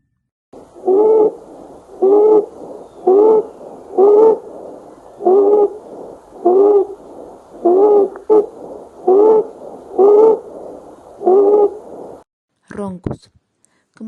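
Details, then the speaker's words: Rhonchi in a lung auscultation demonstration: repeated low-pitched, harsh, snore-like musical sounds with each breath, heard in more than one breathing phase, from air flowing roughly through obstructed large airways; may change or clear. "su propio nombre lo indica son sonidos que presos ronquidos y ocurren cuando el aire queda destruido o el flujo de aire se vuelve áspera a través de las grandes vías respiratorias"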